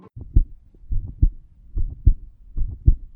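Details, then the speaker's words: 16-year-old girl with mitral valve prolapse and mitral regurgitation: regular heartbeat about 71 a minute with a soft rushing murmur between beats as blood leaks backward through a valve not closing properly. "it's the sound of a valve not closing properly letting blood leak backward instead of moving forward like it should this is called mitro valve prolapse"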